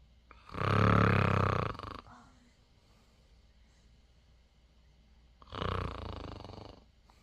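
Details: Eight-day-old newborn snoring: two loud, rumbling snore-like breath noises separated by a quiet pause, in a small room.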